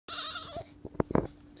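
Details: One-day-old newborn girl gives a single short, high, breathy sneeze, followed by brief adult voice sounds.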